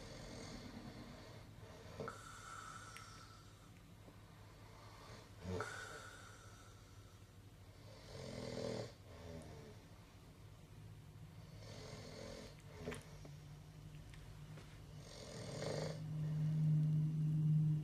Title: Doesn't Snore (Yeah, Right!)...Enjoy! ..(A 2013 Throwback Video)